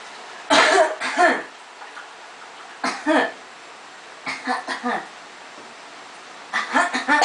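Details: Child aged 1 year 2 months imitating his sister's cough: four groups of short, playful, funny coughs copied from others, not from illness.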